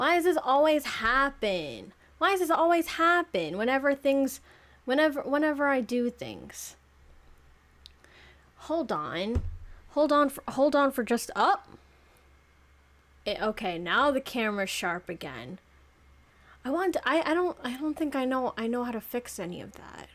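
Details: 26-year-old woman who self-reports clear stuttering issues that make it hard to talk properly; stuttering.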